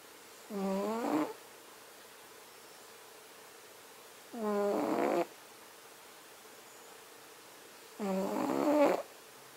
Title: Cat snoring while he sleeps